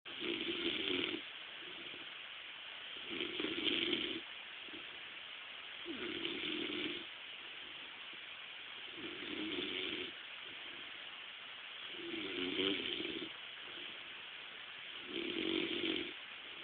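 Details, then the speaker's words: Man snoring in sleep until woken: regular rough, fluttering snores with quiet breaths out between, about 20 a minute, steady. "You're snoring. What? You're snoring."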